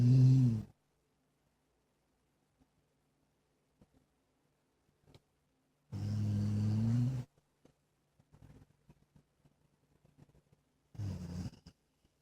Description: Jack/terminator mix has always been a snoring machine since she was a few months old